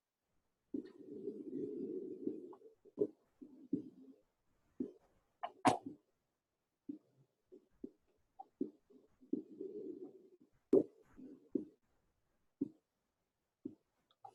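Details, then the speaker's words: Muffled heart sounds at uneven intervals, speeding and slowing unpredictably: the irregularly irregular rhythm of atrial fibrillation. "that's atrial fibrillation Now, this only happens in the atria."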